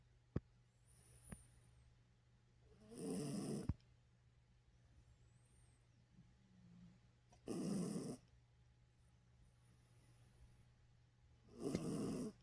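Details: Sleeping pet dog snoring: loud, harsh snoring breaths about every four seconds, with quiet pauses between them.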